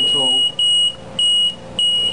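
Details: Repeating high-pitched electronic beeps, about three in two seconds: the audible alarm of an LP10 home ventilator.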